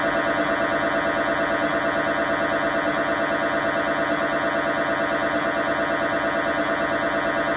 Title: Loud MRI Sounds | Real Recording #shorts